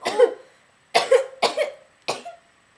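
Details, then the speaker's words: Simulated cough in a nursing-student teaching video: four harsh, short cough bursts in quick succession, acted by a student playing a child with a cold or flu. "a pretty nasty cough you have there amanda oh and a nasty sneeze too oh bless you"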